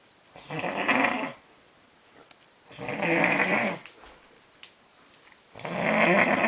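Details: A man snoring very loudly: three loud, rough, rattling snores with quiet pauses between, roughly one every two to three seconds; heavy snoring.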